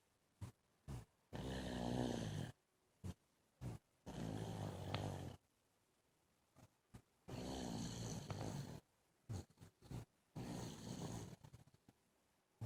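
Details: Baby snoring in sleep on the bed: rough, rattling snores on each breath in, about 22 a minute, with quiet gaps between.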